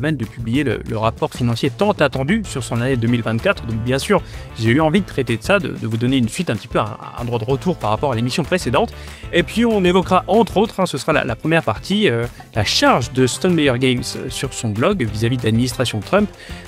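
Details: Adult male speaker; normal speech.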